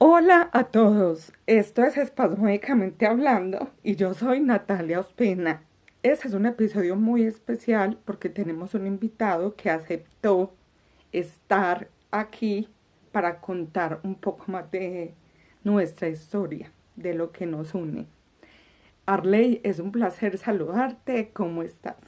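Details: Adult female with spasmodic dysphonia, a neurological condition treated with botox; last injection in August, five months earlier, so she says this is her voice without botox; spasmodic dysphonia.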